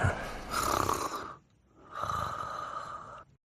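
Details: Two animals sleeping and snoring together: two long, noisy, rasping breaths with a brief quiet gap between them.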